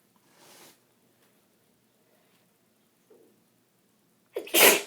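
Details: Sneezing with a bad cold: soft breaths build up, then one loud, explosive sneeze at the end.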